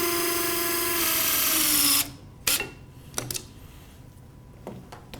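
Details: Power drill whine for about 2 s, then stops, followed by sharp instrument clicks and taps: a pin being drilled into the distal femur for a knee-spanning external fixator.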